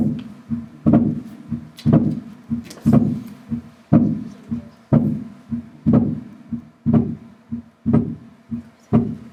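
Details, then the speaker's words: Physiological splitting of the second heart sound on the Harvey simulator: regular heart sounds near 60 a minute, S2 dividing into aortic and pulmonary components on inspiration, as delayed pulmonary valve closure. "y ahorita vamos a escuchar entonces éste se va a dividir en un componente aórtico y en un componente 6"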